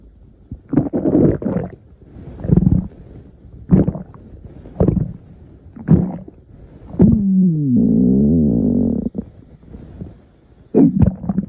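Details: Repeated low gurgling rumbles, then a long rising and falling squeal; stomach growling (borborygmi) from gas and fluid moving through the gut.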